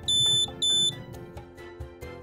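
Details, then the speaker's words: Portable battery-powered blood and fluid warmer no-heat alarm: two shrill high-pitched beeps over soft music, with flashing blue and red LEDs, signalling no heat reaching the heater plates. "if the system detects no heat to the heater plates blue and red LEDs will flash and an audible alarm will trigger a"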